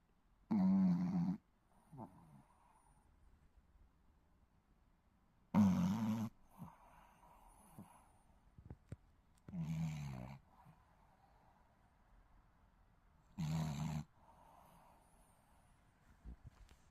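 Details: Snoring in a sleeping Shih Tzu puppy: four rough, low snores about four seconds apart, with soft wheezy exhales in between.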